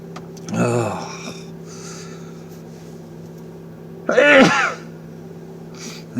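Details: A man sitting in a car during his daily sneezing bout, face feeling numb, gives two forceful sneezes a few seconds apart against steady engine hum.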